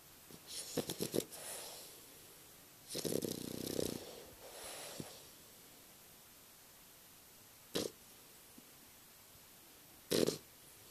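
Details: English Bulldog puppy snoring, recorded on a Flip Video camera: rattling, snorting snores and noisy breaths, then two short snorts after a pause.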